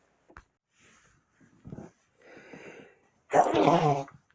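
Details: Single adult sneeze: soft breathy build-up with a few catching inhalations, then one loud explosive burst.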